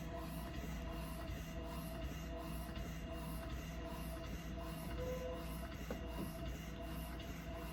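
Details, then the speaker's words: Low, steady motor hum with soft, rapid, rhythmic pulsing from an electric breast pump demonstrated on one breast. The setting is lowered from 80 to 50 after about 2 minutes, once milk flow starts. "We're going to decrease from 80 to 50, and I just hold it down. Okay. She's going to continue these settings 30 to 40 for a total of 20 minutes."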